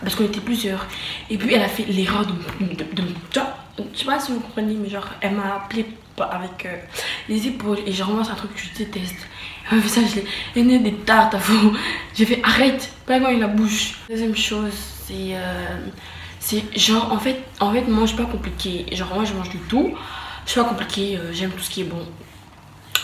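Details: Stuttering in a woman who says she stutters, heard in French speech.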